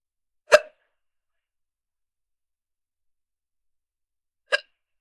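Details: Young woman just starting to get hiccups: two abrupt, brief, gulping hiccups about four seconds apart against silence.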